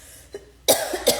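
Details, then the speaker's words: Cough from an adult with asthma, triggered by an air vent blowing on them: a faint throat sound, then two short, dry cough bursts. "I already have asthma. It makes me cough."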